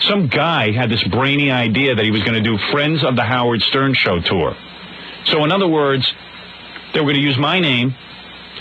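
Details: Adult man speaking; Normal fluent speech.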